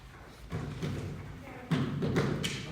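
Low, dull heartbeat thuds with an extra soft sound after the second, an S3 gallop.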